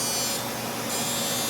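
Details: Deep fractional CO2 laser resurfacing of a man's face for deep acne scarring and irregular texture, under nerve blocks, with very small deep channels: steady loud hissing buzz of the laser firing.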